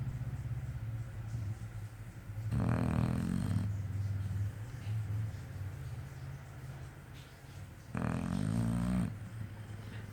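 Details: American Bully dog caught snoring asleep on its blanket on the sofa, mouth open, after a bath: two loud, rattling low snores about five seconds apart over steady low background noise.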